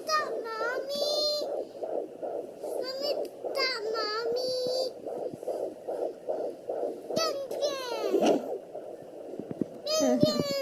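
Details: Rapid whooshing fetal heartbeat at 19 weeks 4 days on a Sonoline B handheld Doppler, broken by thumps and shifts as the baby kicks, with a child talking; the rate readout was unreliable: fetal heartbeat.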